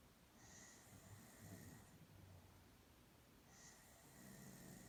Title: Snoring girl